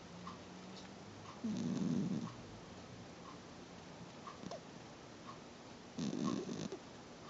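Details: Sleeping pet ferret snoring: soft, rough snoring sounds, two breaths about four seconds apart, over faint background hiss.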